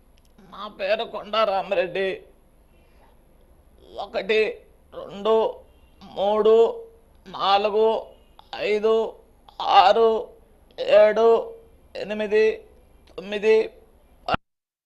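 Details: Spasmodic dysphonia, a central nervous system disorder, with voice spasms and voice breaks: spasmodic dysphonia.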